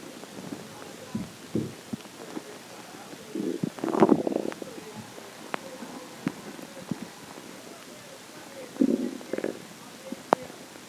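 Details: Stomach growling: bubbling, gurgling rumbles rising from a quiet background in a few bursts, from gas and fluid moving through the gut.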